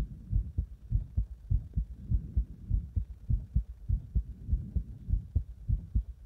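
Strong, regular low heart thumps at about 100 beats a minute, with heavy pounding quality.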